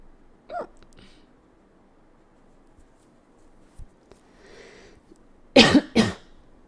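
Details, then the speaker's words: A few faint gulping sounds, then two sharp, abrupt vocal bursts close together, fitting hiccups, in a quiet room, from a speaker who says the hiccups are tickling their throat. "man these hiccups are tickling my throat hole"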